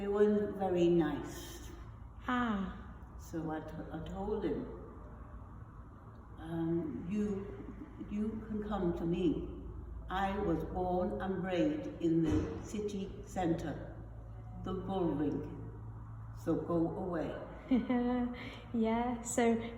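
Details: Adult woman with non-fluent aphasia after a stroke; she was initially unable to talk, then developed foreign accent syndrome with successive Russian, Eastern European and German-sounding accents; non-fluent aphasia with foreign accent syndrome.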